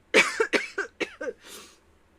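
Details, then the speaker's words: Adult non-smoker with a rapid run of about five short, partly voiced coughs ending in a breathy exhale, attributed to dust from highway construction and rock demolition near the house. "Okay, we already have highway pollution and then we got like the the dust pollution from their their rocks."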